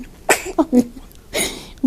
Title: girl at 2 days old (sneezes)